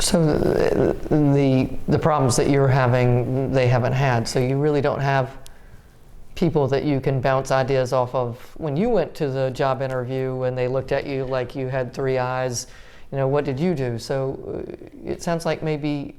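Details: Adult speaker; typical speech.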